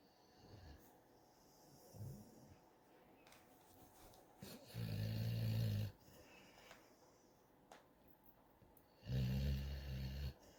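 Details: Young, growing dog Jasmin, who drools and sleeps with her tongue out, snoring loudly: two low, rumbling snores a few seconds apart over quiet room noise.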